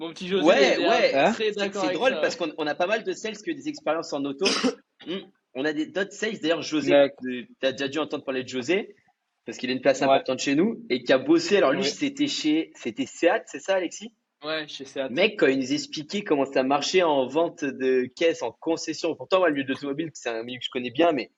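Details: Adult man speaking French; normal speech.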